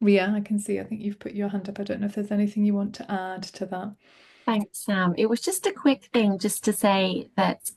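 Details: Adult speakers in a meeting, probably two voices; typical speech.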